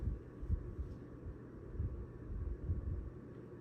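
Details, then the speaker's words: Faint, regular low thumps at about 70–80 a minute with no added sounds and no murmurs, heard with the stethoscope bell at the right sternal border, second intercostal space (aortic area), on a female patient; normal heart sounds. "so now i'm gonna proceed and listen again in these areas but now with the bell which sometimes you're able to uh hear murmurs uh better with the bell"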